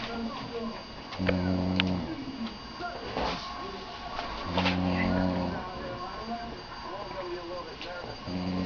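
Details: Deep buzzing snores about every three seconds, roughly 18 a minute, over room hum from a person passed out asleep; ordinary snoring.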